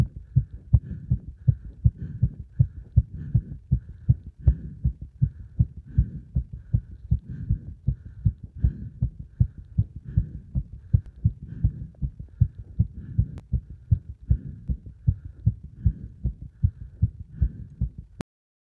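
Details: Fast, regular heartbeat of about 158 beats a minute right after hard exercise combining beeper test and squats; rapid rate expected after exertion.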